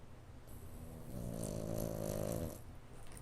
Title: French Bulldog Puppy snoring!!!